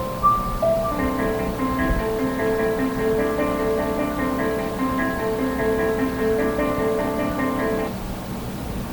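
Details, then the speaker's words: Repeating chime-like, harsher honky-tonk plinking tune from a CEREC dental acquisition unit: the alert it plays when confused while imaging a tooth. "okay so you might have heard the first sound in there and what that is that I call that song kind of a honky-tonk music a little bit more abrasive right still nice but a little bit more abrasive well that sound is when that same computer that same see rock acquisition unit is confused"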